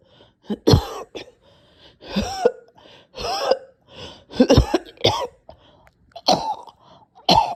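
Rapid run of harsh, strained coughs with gasping pauses between bursts, about ten in seven seconds; a severe coughing fit.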